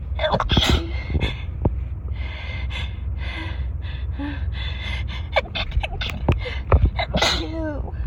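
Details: Person with a cold and a raw nose in a sneezing fit that lasted about 10 minutes: a rapid run of sharp sneezes, each led by a quick gasping in-breath.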